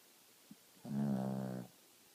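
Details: Dog snoring in deep sleep: a single drawn-out, rumbling, voiced breath with a buzzing tone.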